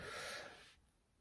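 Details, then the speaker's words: Dog snoring and breathing while asleep, heard in the background of a recording. "I mentioned I'm tired if you guys can hear it that's my dog snoring and breathing while he sleeps"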